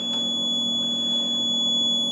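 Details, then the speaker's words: Continuous high-pitched alarm tone from a Puritan Bennett 840 mechanical ventilator, with faint room noise, as its audible alarm is activated as the first step of the inoperative-ventilation check: ventilator audible alarm test. "Entonces la primera prueba es activar la alarma acústica, sí."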